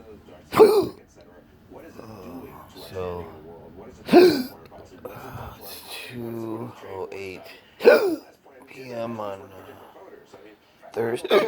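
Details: Adult with persistent intractable hiccups since December 2015, plus breathing and choking spasms, cause undiagnosed: sharp, abrupt hiccup bursts about every 3–4 seconds, roughly 16 per minute, with voiced sounds between them.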